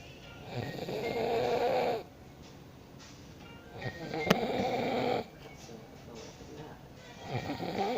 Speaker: Today I'm gonna record my dad sleeping.